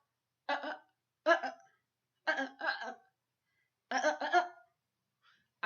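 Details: Person with Tourette syndrome, off medication (previously risperidone), ticking as tics increase: short, abrupt voiced bursts like coughs or throat clears breaking the silence; vocal tics.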